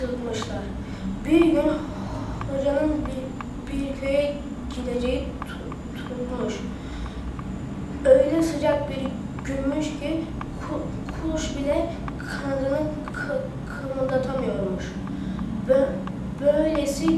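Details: Girl with a stutter, a primary school pupil, reading a story aloud at a speech centre; stuttering.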